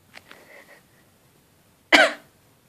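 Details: A Shiba dog gives a short whine, then its owner, an adult, gives one loud, sharp single cough; the dog reacts this way whenever the owner coughs.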